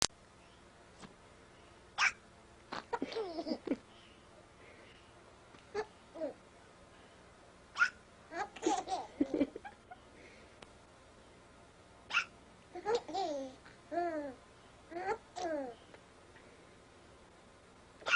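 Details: Eight-month-old baby with hiccups, laughing at them: brief, abrupt hiccup sounds, each followed by bursts of infant giggling.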